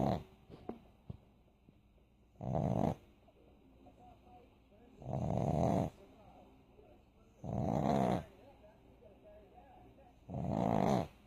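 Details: Sleeping pug: four loud, rough breath sounds at regular intervals, roughly 23 a minute, with quiet between; snoring.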